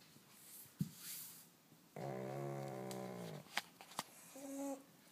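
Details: Pug, awake and not sleeping, with stertor: loud, buzzy, snore-like noisy breaths.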